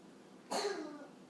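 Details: A single short, sharp cough-like burst: a pet bird named Smokey imitating a child's cough.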